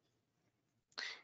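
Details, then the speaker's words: Stray shelter kitten with an upper respiratory infection (a cold, being treated), sneezing a lot: after near silence, one short, sharp, hissy sneeze. "and I don't know if you guys can hear that, but he's actually sneezing a lot. He has something called an upper respiratory infection, which is kind of like the kitty version of the flu."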